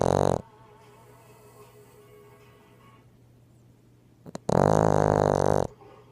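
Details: Female Boston Terrier snoring at night: a loud, buzzing, low snore lasting about a second, with quiet breathing before it.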